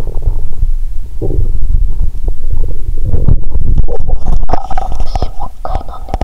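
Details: Bowel sounds (borborygmi) heard by stethoscope after drinking cola with Mentos: loud, continuous watery gurgling and rumbling; stomach sounds audible even near the heart.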